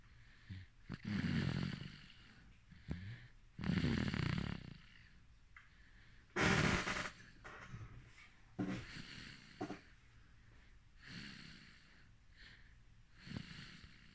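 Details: Sleeping baby snoring: irregular snorty, rattling breaths through the nose and throat, some with a faint whistle.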